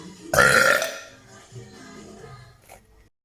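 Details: Girl doing a voluntary burp for a TikTok burping compilation: one loud, drawn-out burp, then fading throaty sounds, with faint music behind.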